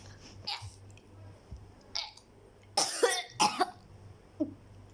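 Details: Child gives several short, forced coughs, including a strong double burst, acted for a comedy skit: an imitated cough.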